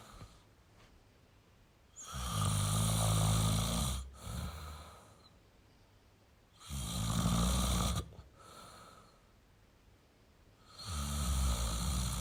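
Three long, loud, vibrating snores, each lasting about two seconds, with a softer breath out between them. Heavy snoring.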